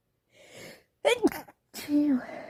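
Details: Female, possibly coming down with something or with allergies, sneezing all day with a red nose; a soft breathy build-up, then a sharp explosive sneeze and a second voiced sneeze in one bout.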